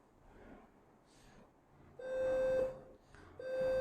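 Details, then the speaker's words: Two steady mid-pitched tones as the foot pedal is pressed in cut and then coagulation mode on a refurbished Conmed Aspen electrosurgical (diathermy) unit with a single plate attached, confirming it works; electrosurgical unit activation tone. "ये cutting का foot press हो रहा है, इस तरह ये कोआगुलेशंस का foot press हो रहा है, तो इसका मतलब ये काम कर रही है।"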